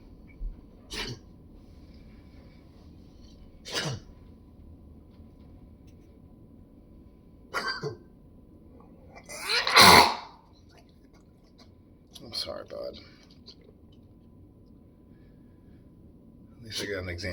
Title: Bodhi coughing (for the Pet Vets)